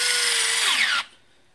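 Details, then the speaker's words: EZ-IO intraosseous drill inserting a needle on a practice leg: high whining drill whose pitch drops sharply, the tone change signalling entry into the marrow space, then drilling stops. "push firmly listen for a change in tone and stop drilling when I hear that change in tone"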